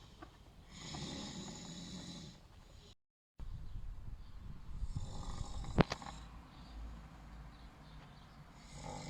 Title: Snoring men